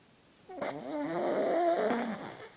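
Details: A sleeping purebred pug snores with one long, rattling, snorting breath in a quiet room, typical of a short-nosed dog.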